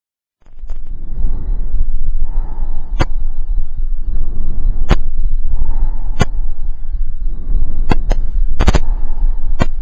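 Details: Soft, even breath sounds through a stethoscope with sharp handling clicks, heard over the lung fields during a pulmonary examination; normal vesicular breath sounds without crackles or added noises.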